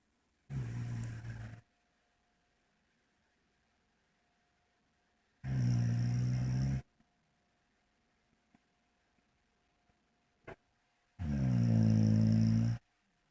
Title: Snoring 4